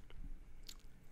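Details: An adult man, diagnosed with mild Tourette syndrome at 13, demonstrates a teeth-biting jaw motor tic: a brief jaw movement with a teeth click and dull thumps.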